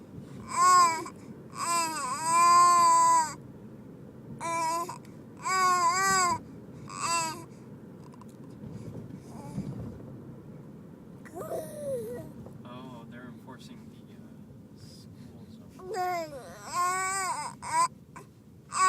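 Fussy infant cries in short, high-pitched wails with pauses, a quiet stretch, then renewed crying; quiet room background.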